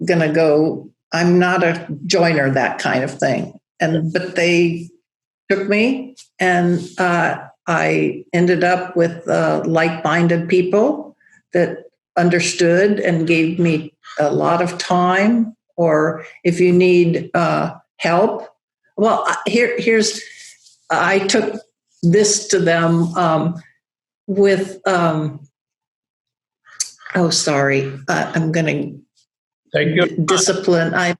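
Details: Woman, a yoga teacher, with non-fluent aphasia after a large stroke affecting Broca's area, rehabilitating through breath and OM; still has word-finding trouble and halting speech; aphasia with word-finding difficulty.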